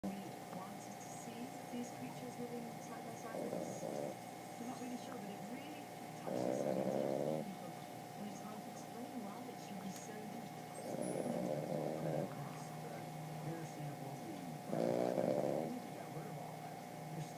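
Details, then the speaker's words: Asleep: four low, rattling snores, each about a second long, at roughly 15 a minute over a steady background hum; snoring. "Who's snoring like that? Who's snoring like that?"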